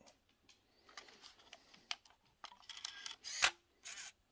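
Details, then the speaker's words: Amgen AutoTouch reusable autoinjector for Enbrel Mini (etanercept) cartridges: quiet handling noises, then a sharp camera-like click as the eject button pops open the cartridge door. "so then you want your auto touch reusable auto injector all right i'll break that bad boy so there's there's the eject button you hit that"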